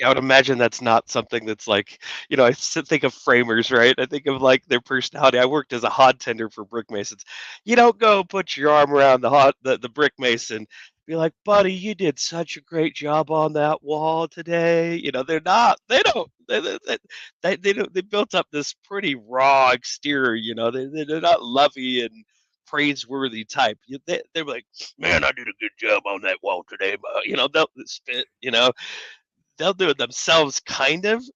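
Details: Adult man speaking; ordinary speech.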